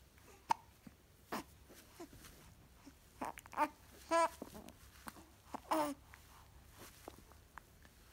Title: Wide-eyed Hiccups